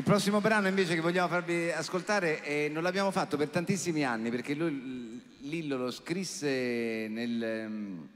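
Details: Adult male speaker; typical speech.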